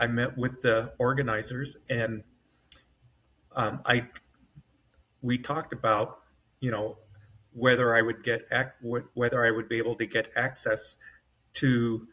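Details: Adult man with self-rated mild-to-moderate aphasia after an AVM brain hemorrhage, surgery and a 10-day medically induced coma. He woke with right-side paralysis and severe aphasia, has foot drop, and has trouble finding words, with his brain working faster than his mouth.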